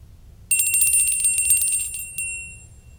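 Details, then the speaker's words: Normal 5-day-old male newborn in an awake quiet state during a neurologic exam: a small bell rings briefly and fades, and he alerts and almost looks toward the sound; a normal newborn hearing response. "we can do the same thing with sound he alerts to that he actually looks almost towards the sound so it's a good response even responding to my voice"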